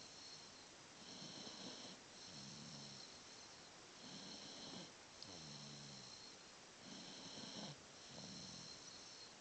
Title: snoring may 2011